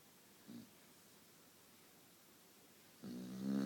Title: Daisy snoring must see funny